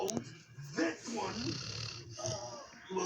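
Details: Sleeping adopted pit bull/mastiff mix dog snoring: rough, snorting breaths with a raspy nasal rattle on each breath.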